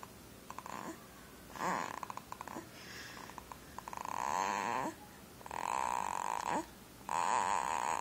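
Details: Snoring: loud, buzzing, fluttering snores, each lasting about a second, repeating every one to two seconds in a small room.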